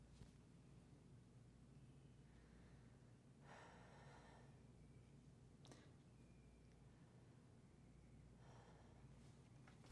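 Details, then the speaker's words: Stethoscope auscultation during a lung exam: the patient sits with shoulders rolled back and takes full breaths through the mouth. Faint, soft breath sounds are heard over a steady background hiss; normal breath sounds. "every time I place the stethoscope on you you take a full inhalation and exhalation through your mouth the reason we're going through the mouth is you don't get any whistles for the nose"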